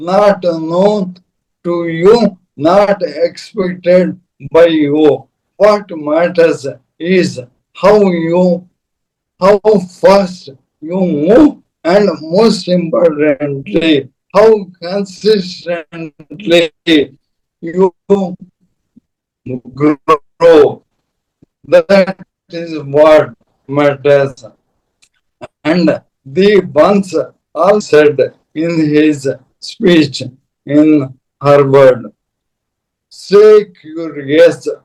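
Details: Adult man with dysarthria; Parkinson's disease from 2022, diagnosed late, very severely affecting mobility and speech, later ALS (motor neuron disease) diagnosed; slow speech with long pauses; dysarthria (ALS / motor neuron disease).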